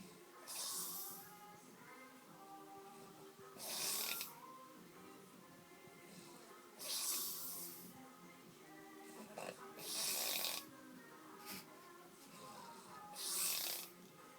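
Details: Drunk man passed out snoring: loud, rough snores on each breath, about five in fourteen seconds, under quiet background music; snoring.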